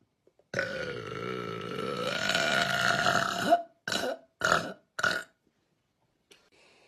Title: sexy burps